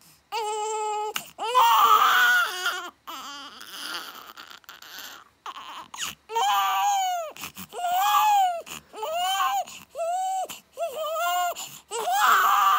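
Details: Baby girl, 5 days after birth, crying loudly: high-pitched repeated wails with brief gasping pauses; ordinary newborn cry.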